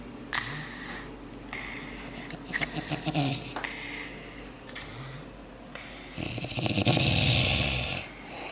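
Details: Father and daughter asleep together on a couch, the daughter very sick: loud, rattling, overlapping snores with snorting breaths throughout.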